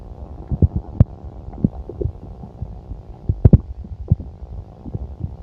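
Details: Low, irregular gurgles and rumbling pops over a steady hum: active stomach and bowel sounds from a full stomach.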